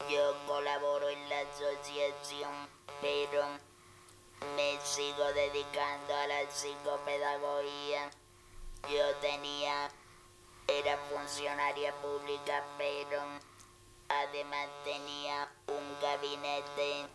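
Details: Electrolarynx speech after total laryngectomy for laryngeal cancer, in an adult woman.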